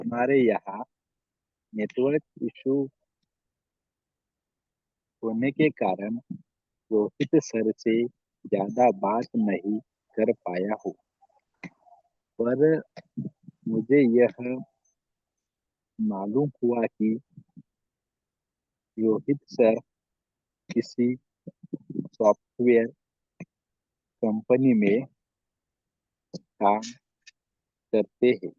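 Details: Man who joined a stammering association 15 days earlier, reported to have formerly had much stammering and blocks, has worked on himself and is now working to make his speech smoother, at an online self-help meeting; stuttering.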